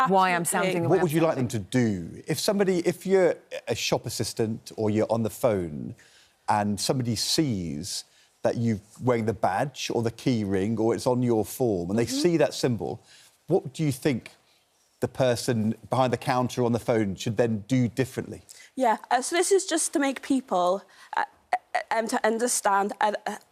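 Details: Adult speaker, likely a presenter, with a second voice briefly at the end; typical speech.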